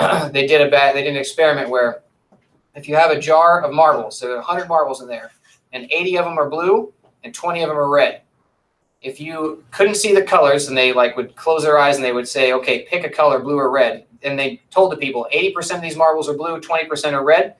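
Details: Adult speaker, lecturer; normal speech.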